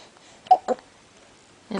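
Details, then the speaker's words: Two short, abrupt gulping hiccups half a second apart from a wide-awake 3-week-old girl weighing 8 lb 12 oz, for whom hiccups are a common occurrence; infant hiccups. "oh dear yes do we have the hiccups again we're Wide Awake we have the hiccups yes we do"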